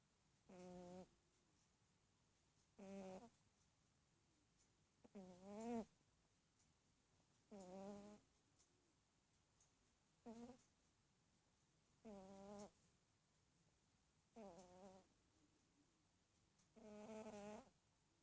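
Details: Rabbit snoring while asleep and dreaming: soft, buzzy, vibrating breath sounds recur about every 2.5 seconds, eight in all, about 13 a minute.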